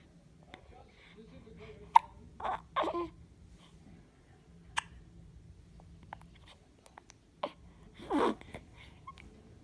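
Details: Person with a bout of hiccups: repeated short, abrupt voiced catches every few seconds with faint room noise between them.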